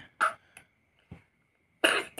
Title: Batuk ngaoh 😁 #shorts #short #shortsvideo #shortvideo